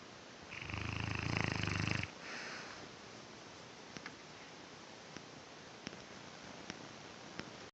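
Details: Snoring: a buzzing, fluttering breath sound lasting over a second, followed by quiet with soft clicks.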